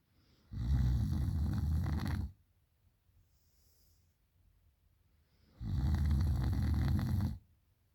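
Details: Girl at night with two loud, harsh, rattling snores, each nearly two seconds long, separated by quiet pauses; loud snoring.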